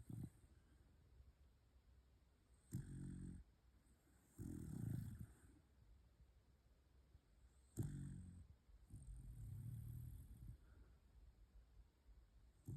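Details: Sleeping Welsh Corgi snoring: low rumbling snores, two inhale-exhale cycles, each a rough snort followed by a softer rattling breath.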